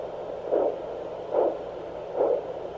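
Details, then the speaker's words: Home fetal Doppler on a woman pregnant with twins, wand on gel at the midline angled under the pelvic bone, picks up regular whooshing pulses at about 70 a minute: the mother's own heartbeat. "your heartbeat, right? Yes. So you can hear heartbeat right now."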